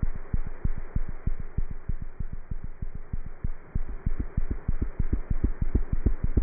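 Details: Cat's heart heard through a stethoscope: rapid, regular low thumping at about 190 beats a minute, normal feline heart sounds.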